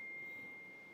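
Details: Phacoemulsification of an intumescent white cataract by stop and chop under peribulbar block, at phaco power about 60, bottle height 80 cm and vacuum 75: steady high-pitched machine tone over faint room noise.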